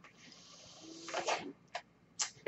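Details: A soft, steady airy hiss builds to a whooshing puff, followed by two short bursts of air: the breath cycle of the speaker's own mechanical ventilator.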